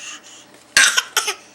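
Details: 8-month-old baby with a bad cough, recorded August 2011.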